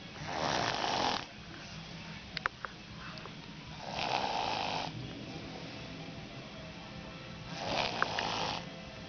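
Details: Slow, rough, rasping snores, about 17 breaths a minute, with faint background sound; ordinary snoring during sleep.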